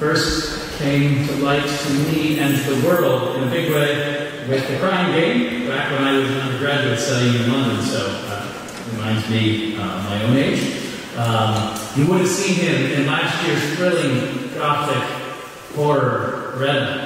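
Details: Adult man speaking through a microphone; normal voice.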